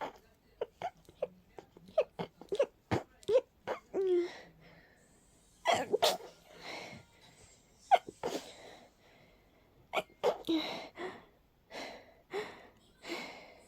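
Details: Rapid series of many short, sharp sneezes with sniffing between them, from a person with a stuffy, sensitive nose during a cold; rapid sneezing fit.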